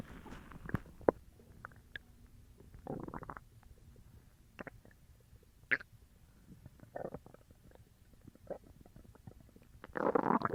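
Loud gurgling and squelching stomach rumbles in irregular bursts over quiet background; active bowel sounds, borborygmi from an upset stomach.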